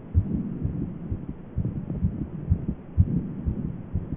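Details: Own heartbeat in a short recording: rapid, regular low heart thumps at roughly 120 beats a minute; fast heartbeat (tachycardia).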